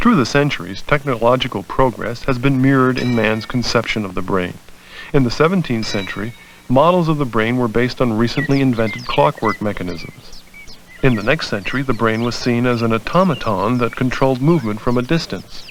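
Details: Adult male narrator; normal speech.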